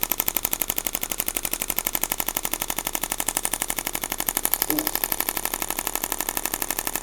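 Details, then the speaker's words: Shockwave therapy on the foot and calf for bilateral plantar fasciitis, device ramping up to a 2.1 setting: rapid, steady mechanical clicking pulses, about 240 a minute. "So, this is the perfect treatment for this cuz the these sound waves, they can get they can penetrate really deep."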